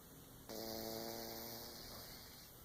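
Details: Sleeping cat snoring: one drawn-out, slightly buzzing breath sound over a steady background hiss.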